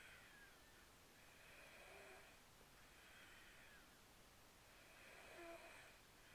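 Soft, regular raspy breath sounds with faint whistling tones, repeating every couple of seconds in a quiet room: a sleeping cat snoring.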